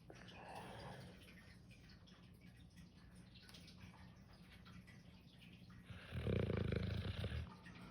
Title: Dog snoring 😴